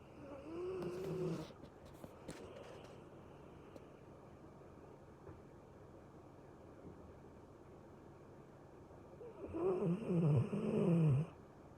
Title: Snoring💤